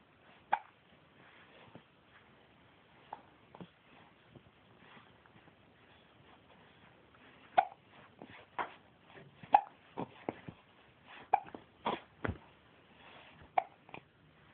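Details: Quiet, sharp little hics recurring irregularly, about thirty a minute, against soft room noise; hiccups.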